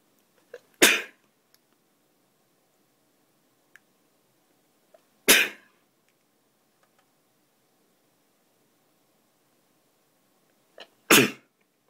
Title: It's been a while- sneezing